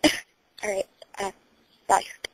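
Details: Throat clearing during a self-induced sneezing attempt by someone who has been sneezy and suspects a cold, recorded on a phone: four short, rough voiced bursts with clicks between them in a quiet room.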